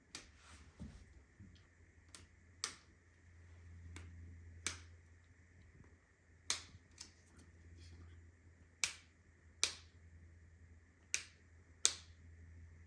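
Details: Clicking from the ankle joint: repeated sharp clicks at an uneven pace, about one every two seconds, over a low hum.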